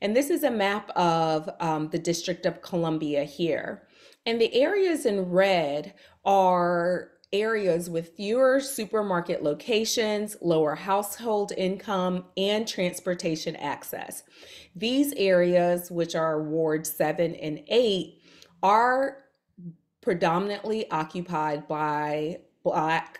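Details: Adult woman speaking; typical speech.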